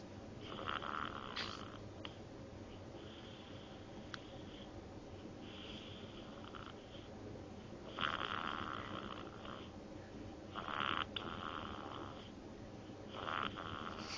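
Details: Baby snoring while asleep.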